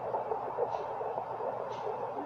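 Fast, rhythmic whooshing pulses through a handheld Doppler: a fetal heartbeat, with a hissy background.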